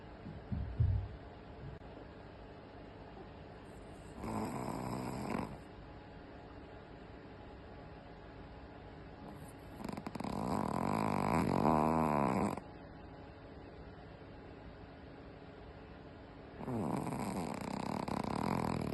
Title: Loudly Snoring